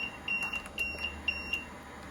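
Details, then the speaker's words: Repeated high-pitched electronic beeps in pairs: low pressure alarm on an LTV-1200 ventilator being set up for BiPAP, sounding when the circuit cycles with no patient connected. "Well, if the vent begins to cycle and there's no patient connected to the other end, the low pressure alarm will start to go off. This is going to complicate the setup."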